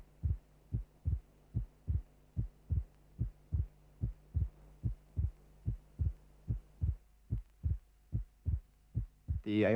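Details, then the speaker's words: Simulated regular heartbeat, about 73 per minute, with the second heart sound split into two close elements because aortic and pulmonary valve closure is not simultaneous: a split second heart sound. "If closure is not simultaneous, two elements of the second sound will be heard separately. That is the sound will be split."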